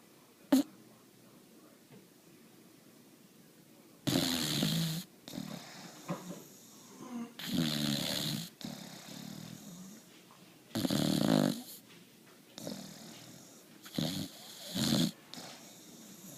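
Loud rough snorting breaths recurring irregularly, about 17 a minute, from a sleeping puppy: snoring.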